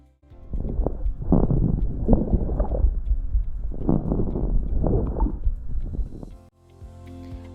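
Stethoscope lung sounds with fine bubbling crackles during breaths in, suggesting reopening of collapsed air sacs.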